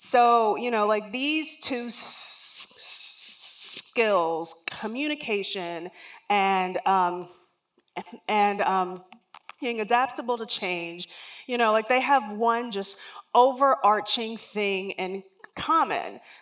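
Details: Real lifelong stuttering in an adult woman, which began around age three and was never outgrown, heard during a public talk.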